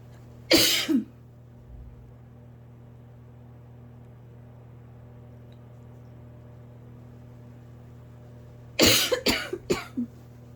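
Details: Adult with asthma coughing at night on lying down to sleep, happening several nights: a single cough, then after a quiet pause a quick run of three coughs.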